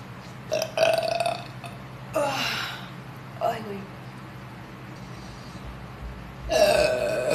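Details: Young woman doing about five loud, drawn-out voiced burps in a row, Sprite challenge, faint room noise between; burping.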